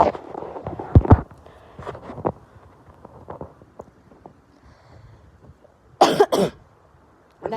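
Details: Repeated short coughs in a run with a louder double cough near the end; young person apologizing for coughs, staying home from school because really sick, windy outdoors.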